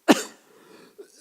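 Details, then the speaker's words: Adult speaker with asthma coughing mid-talk: a single short, harsh cough, then quiet. A cough due to asthma. "지금 제가 제가 천식 때문에 기침이 나오잖아요"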